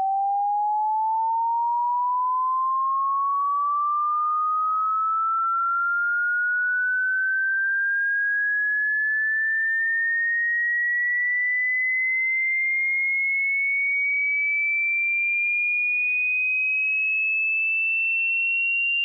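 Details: Simulated tinnitus pitch-matching sweep, a steady pure tone gliding slowly upward from 100 Hz toward 16,000 Hz, played by an audiologist for matching tonal tinnitus pitch, meant for headphones or good speakers.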